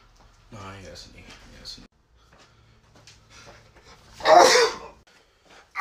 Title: The sneezes